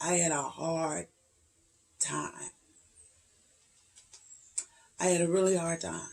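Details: 56-year-old woman with voice tremors, cracking voice and difficulty getting words out; treated every three months with neck injections paralyzing laryngeal muscles, last one just over two weeks earlier: spasmodic dysphonia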